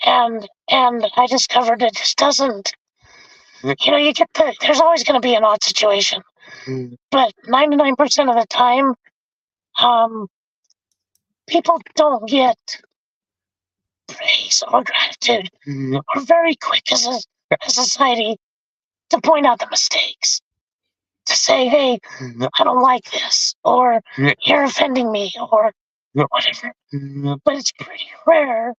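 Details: Adult male with vocal fold paralysis since a four-wheeler accident at age 25, in which his trachea was split and oesophagus torn; tracheostomy removed after 2 months; a scope still shows paralysed cords; he has spoken this way for 25+ years.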